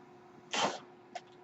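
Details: A brief rushing puff of air, then a soft click over a steady low machine hum: a mechanical ventilator breath cycle from the male podcast host's own ventilator, recorded in real life while he speaks.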